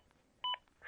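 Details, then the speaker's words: ZOLL AED Plus in a CPR training demonstration, prompting the rescuer to continue CPR every 10 seconds if not started: a single short two-tone electronic CPR prompt beep against quiet room noise. "continue to follow the AED prompts if you don't start CPR right after being told to do so you will be prompted every 10 seconds until you do"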